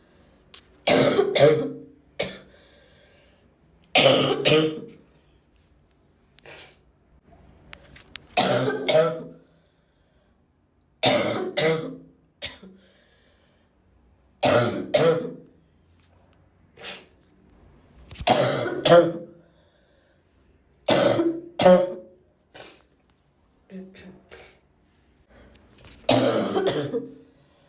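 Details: Repeated short, stifled coughs and throat clearing separated by quiet pauses as someone tries to hold back coughing: suppressed cough.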